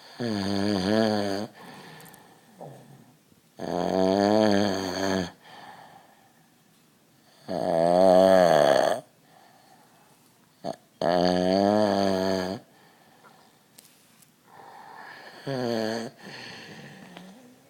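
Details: Heavy snoring: loud, deep, rattling snores about one every four seconds, roughly 16 a minute, with quieter breathing between.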